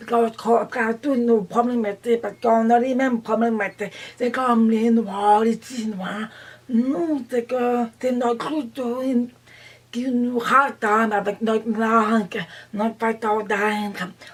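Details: Deaf adult, deafness diagnosed at age 3, hearing aids from age 4, attended a school for the deaf, implant received at age 28; deaf speech.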